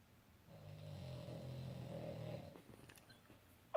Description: Molina the French Bulldog snores really loud